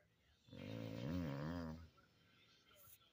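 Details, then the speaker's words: Woman snoring while asleep: a single long, low, rattling snore on breathing in, with quiet room noise around it. "Oh boy. That's my snoring girl. You just were snoring before."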